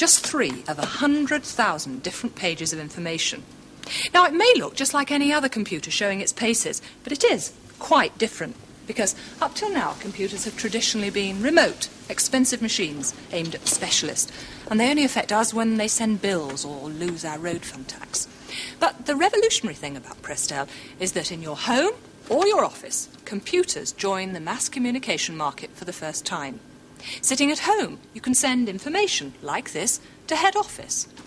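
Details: Adult woman narrating; normal speech.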